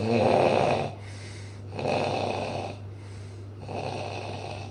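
Three rough, rattling breath sounds repeat with quieter gaps between them over a steady low background hum, typical of snoring.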